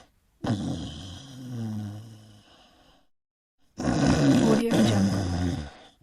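Two loud, deep, growling snores separated by a brief silent pause; very loud snoring.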